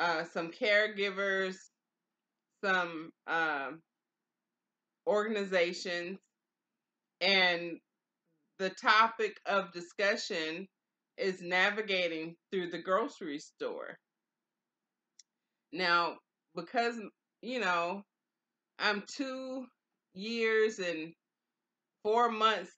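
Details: Adult woman with aphasia after stroke, two years and four months into stroke recovery; early on she could not say the words she was trying to say. Aphasia after stroke.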